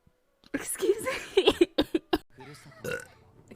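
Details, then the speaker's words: A string of short, voiced belches in quick succession from a woman during a livestream, with a quieter trailing burp. She says she burps a lot. "um excuse me also for everyone who's new here I do burp a lot"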